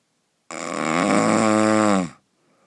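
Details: Single loud, drawn-out, rasping and droning breath sound lasting under two seconds; a very powerful snore.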